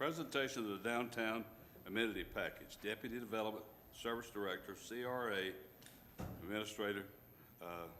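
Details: Adult man speaking; ordinary speech.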